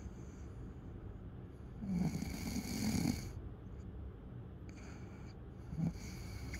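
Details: A sleeping adult gives a long, rough, rattling night snore on one breath, then a shorter snort a few seconds later, over steady room hiss; ordinary snoring.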